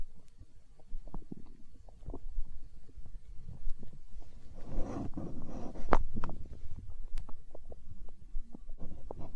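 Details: Stomach growling (borborygmi) recorded for ASMR, tagged as hunger sounds: low gurgling rumbles and squelches from the belly, rising in the middle, from gas and fluid moving through the gut.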